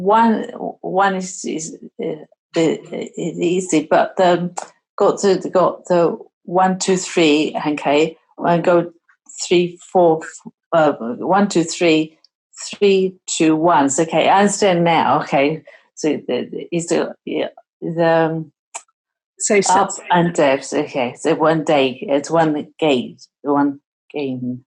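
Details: Adult woman with aphasia after stroke, a participant in a trial of a game-based digital intervention for number skills. Aphasia.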